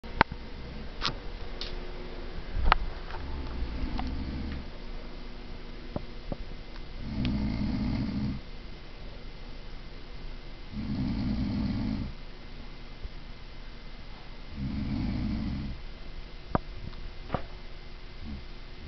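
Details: Deep, rumbling snores on the in-breath, about every four seconds, from a sleeping mother; loud snoring, described as quieter than her usual.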